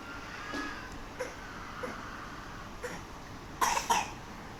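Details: Several short coughs and throat clears over steady background noise; repeated adult coughing.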